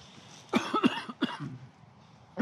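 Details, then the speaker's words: An adult allergic to hay, in an enclosed barn loading hay and without an inhaler, gives a run of short, harsh coughs during an asthma attack. "I'm actually allergic to Hay so being in the barn in an enclosed space kind of brings on my my asthma a little bit"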